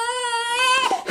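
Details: Baby girl crying with a sustained, high-pitched, clear wail that breaks off at the end while her father tries everything to soothe her. Infant crying.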